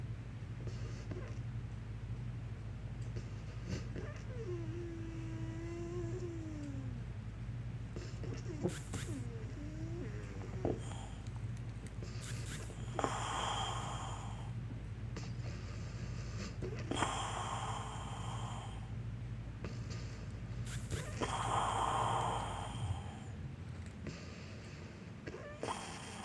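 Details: Akodo, a pet, wheezing and having trouble breathing in the morning: a thin whining tone, then harsh, effortful breath bursts over a steady low hum.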